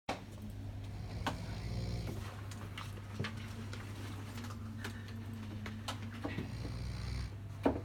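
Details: Snoring: a steady, low droning snore with rattling breaths in a small room, with faint clicks and room noise.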